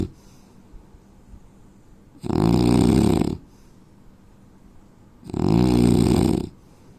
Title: Indian man snoring sound